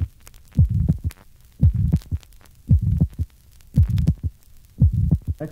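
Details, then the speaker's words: Patient with pulmonary stenosis, recorded at the pulmonary area (second left intercostal space). Regular heartbeat about 57/min with an ejection mid-systolic murmur and a widely split second sound. Splitting widens on inspiration, with a delayed, soft pulmonary component. "pulmonary valve closure is delayed and abnormally wide splitting of the second heart sound is conspicuous note that the splitting increases with inspiration and the second component or pulmonary valve closure is soft see figure 61."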